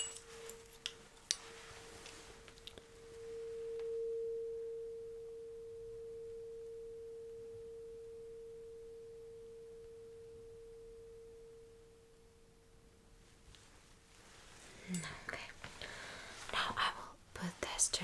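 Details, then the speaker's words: Struck tuning fork placed behind the ear in a simulated ASMR cranial nerve/hearing exam rings a steady pure tone fading over about ten seconds, then soft handling noises. "So what I'm going to do is to put this tuning fork right behind your ear. Mhm. And you will now want the vibration along along with the sound stop."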